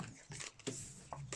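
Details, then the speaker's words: Brief, rough snorting snore from a rescue bulldog resting while sunbathing, heard in the background of a small room. "Now, I apologise if you can hear Meg, my rescue bulldog, snoring in the background. It's quite sunny here and she loves a good sunbathe. And unfortunately, she snores like a trooper when she sunbathes."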